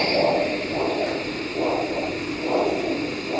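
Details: Hand-held Doppler over a foot artery in a diabetic lower-limb vascular assessment: a single rough, "rocky" whooshing sound with each beat, about 65 a minute; a monophasic arterial signal, pointing to arterial disease.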